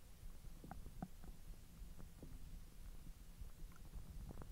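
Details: Bowel sounds recorded after eating hotdogs following 10 hours with a completely empty stomach: continuous low rumbling and gurgling with scattered brief squeaks and pops of digestion.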